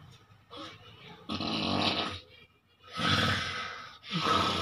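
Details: Person sleeping while sitting up, snoring loudly: rough snores with irregular inhaled rattles and snorts.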